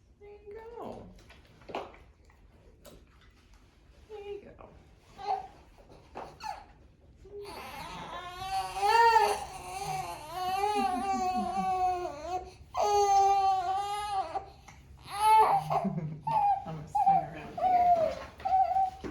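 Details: Infant crying during a gentle pediatric chiropractic evaluation and adjustment for hip imbalance and sleep problems; fussing, then loud rising and falling cries, with adult voices nearby in a small room.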